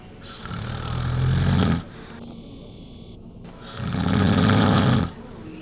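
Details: Two deep, loud, rumbling snores about three seconds apart with quieter breathing between: heavy snoring in someone who denies snoring.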